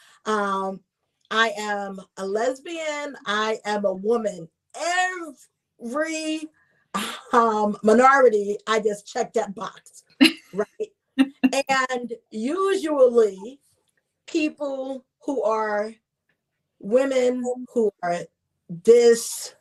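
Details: Adult woman who identifies herself as a person who stutters; audible word repetition; stuttering.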